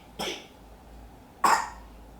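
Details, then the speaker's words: Young child's cough: two separate dry coughs with faint room noise between, child coughing towards the camera after coughing all night. "Now he's coughing towards you. But all last night, coughing right in my face."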